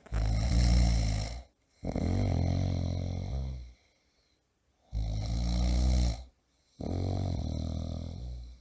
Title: Ronco Pessoa Roncando Alto - Homem Roncando - Efeito Sonoro - Snoring Person - Snoring Loudly